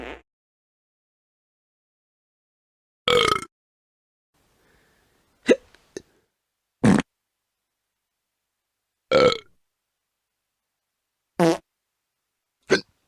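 Six or seven short, separate burps with silent gaps between them, from a sound-effect recording.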